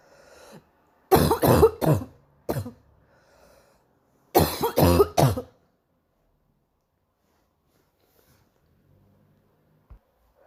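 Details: Morning cough: two bursts of harsh, wet-sounding coughs, about seven in all, separated by quiet, then silence.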